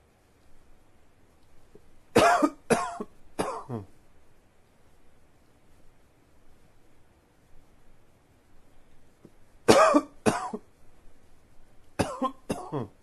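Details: Two bouts of three harsh coughs each, then a pair of coughs, with quiet gaps between; plain cough.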